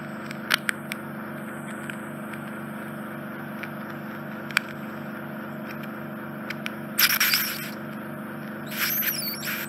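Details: Endoscopic suction of a GP-referred man's infected, smelly right ear canal occluded by dead skin and debris, stuck debris near the eardrum: constant suction hum with sudden crackling bursts as debris is drawn in.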